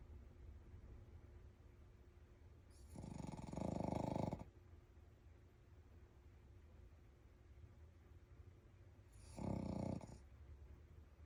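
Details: Two soft, low snores from a sleeping Shih Tzu dog, with quiet breathing between; ordinary sleep snoring.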